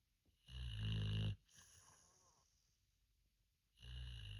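Deep, loud, rattling breaths separated by quiet pauses: snoring.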